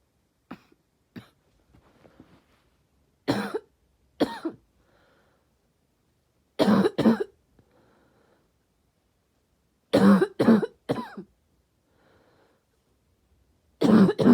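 Harsh, barking coughs in short bursts of one to three, with quiet pauses between them.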